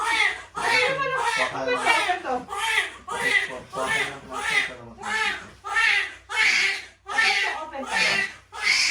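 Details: Newborn baby boy crying just after a normal birth: loud, rhythmic crying in repeated bursts of about a second, with brief pauses for breath; a vigorous newborn cry.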